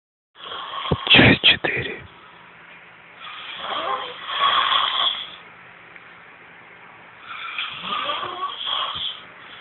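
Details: Sleeping man's loud snoring that bothers the household: three long, rough, noisy breaths about four seconds apart, with a brief snorting burst at the start; snoring.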